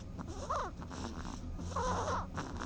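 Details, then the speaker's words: Snoring of a mouse played during a podcast: two soft, squeaky snoring breaths with faint whistling tones over a noisy background. "je voulais te prévenir dans ce podcast nous serons interrompu de manière inopinée par des ronflements. À toi de savoir si c'est un ronflement humain ou animal."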